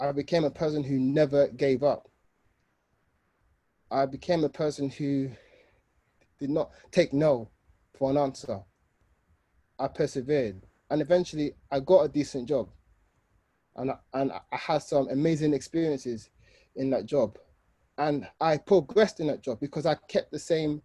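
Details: Adult man, 29, with an aggressive stammer since early childhood, who says he still feels tension while speaking here; stuttering.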